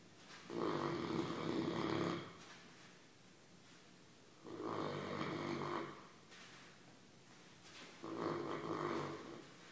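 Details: Snoring in a sleeping, dreaming English Mastiff whose legs are making running movements: three long, rumbling snores on the in-breaths, about twenty breaths a minute, with quiet pauses between.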